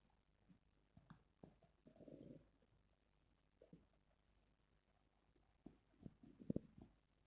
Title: Stomach growling sounds #1